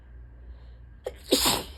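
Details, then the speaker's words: Quiet room, then a short catch of breath and one loud, explosive sneeze after tickly buildups, on a day of heavy allergy symptoms; allergic sneeze. "So I'm gonna try to talk through some of these buildups, and these ones weren't because I had to sneeze really bad, but they've been kind of like very like tickly, like hitchy buildups today."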